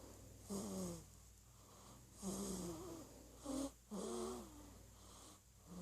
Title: Snoring away at 1 month old